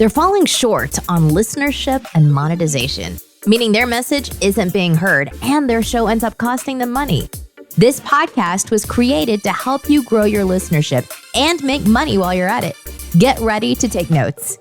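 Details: Adult announcer; normal voice.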